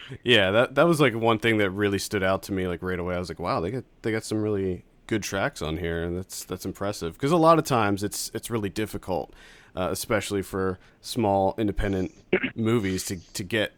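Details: Adult male speaker; normal speech.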